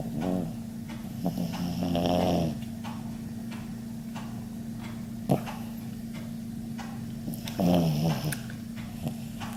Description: Our dog Frisco snoring after a tree planting party at the farm.